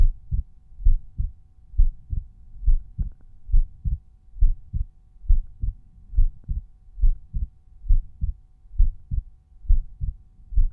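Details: Resting heartbeat at Erb's point: steady lub-dub pairs at about 68 beats a minute. Normal heart sounds.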